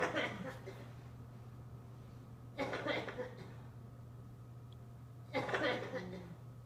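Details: Three separate short, harsh cough bouts spaced a few seconds apart from a homeless adult, over a steady low electrical hum; repeated coughing.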